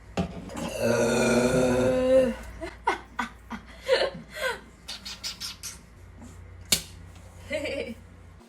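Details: A pet pug dog gives a long, drawn-out burp followed by several short grunts in a quiet room.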